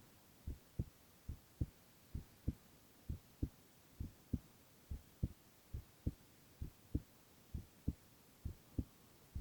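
Steady, soft paired thumps at roughly 75 beats a minute with a quiet, regular rhythm. A normal heartbeat.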